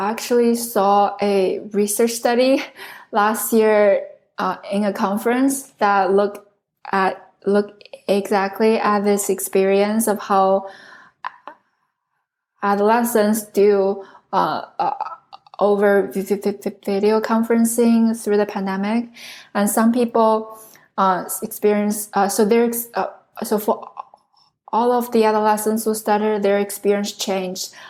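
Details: Adult woman who stutters, originally from China, a speech pathology PhD candidate studying in the U.S. for close to 10 years; this stretch has many word repetitions; stuttering.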